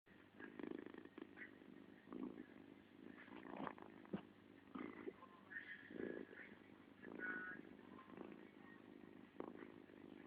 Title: Cute cat snoring